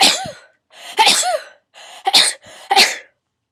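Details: Rapid repeated sneezing during a sneezing fit with stuck sneezes: four sneezes in quick succession, each a short indrawn breath then a sharp explosive burst, as the person tries and fails to hold them in.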